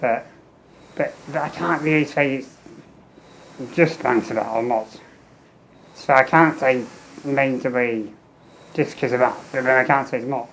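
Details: Adult man with muscular dystrophy and low lung capacity, tracheostomy for 15 years, ventilator-dependent, fenestrated tube, speaking valve in ventilator circuit, air leak around trachea; ventilator-synchronised speech via tracheostomy.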